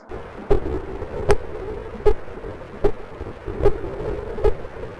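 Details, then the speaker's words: Six steady heartbeat thumps at about 77 a minute, recorded over the chest of someone who had just exercised: heart pumping sounds after exercise. "so this i recorded yesterday someone just did some exercise uh you have to tell me if you are able to hear this i will start now yes do we hear the sound of heart pumping releasing the blood taking the blood"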